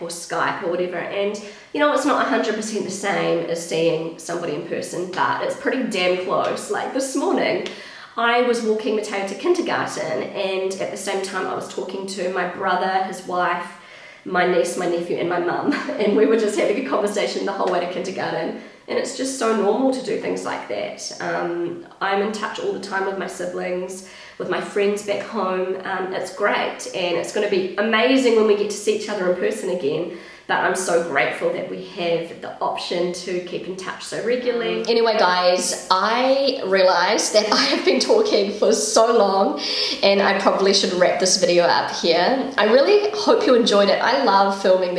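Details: Woman, currently pregnant, who attributes worsened vocal fry to pregnancy; she reports a habitually croaky voice that is much worse whenever pregnant, and feeling a little out of breath; vocal fry.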